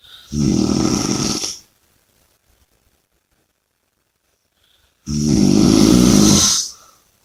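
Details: Two loud, rattling snores, each over a second long, separated by a silent pause; heavy snoring.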